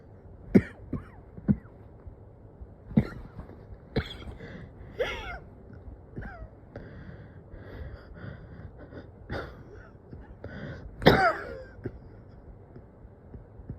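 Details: Person who has struggled for days to get consistent deep breaths, with oxygen readings almost decent: repeated short, dry coughs and throat clearing with labored, catching breaths between bouts; coughing with shortness of breath.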